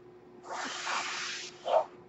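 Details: Mechanical ventilator breathing cycle heard in the background while a podcaster speaks; he notes the noise is his own ventilator.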